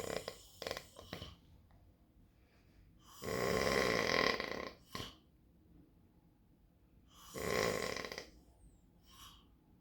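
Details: Morning snoring from a man, recorded to check whether he really snores: two loud, rough, rattling breaths a few seconds apart with quiet between.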